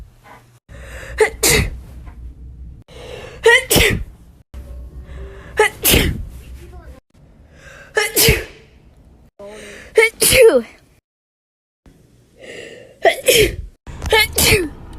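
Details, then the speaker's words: Young woman sneezing: a run of about six loud, wet sneezes, each preceded by a sharp inward breath; repeated sneezing. "I'm in my house. I ain't even near a tree. Why am I allergic to pollen?"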